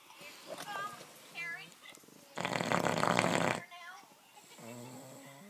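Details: Husband, who says he doesn't snore, snoring in sleep: one loud, harsh snore lasting over a second, with a woman talking quietly before and after.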